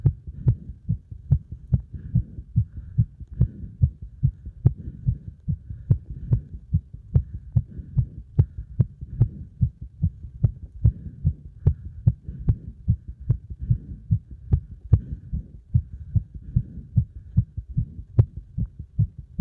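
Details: Heart pounding after strong exercise load: fast, forceful, regular heartbeat at roughly 140 to 150 beats a minute; tachycardia after exercise.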